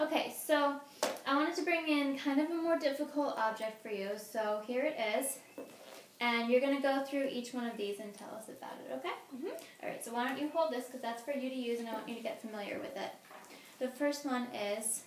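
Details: Adult woman, clinician; Normal speech (clinician).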